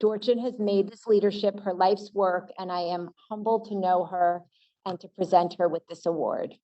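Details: Adult woman speaking; typical voice.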